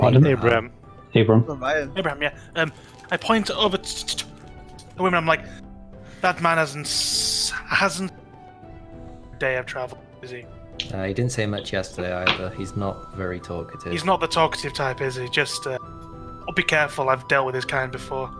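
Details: Stuttering in a man with a natural stutter (speech impediment) that he says usually clears up after about half an hour of roleplaying; it may sound like audio cutting out.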